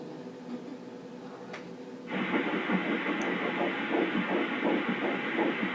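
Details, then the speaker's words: Fetal heartbeat on ultrasound at 8 weeks 2 days in an IVF twin pregnancy: rapid rhythmic whooshing pulses at about 167 per minute. "it's a sound that's not going to stop for at least 100 years from now"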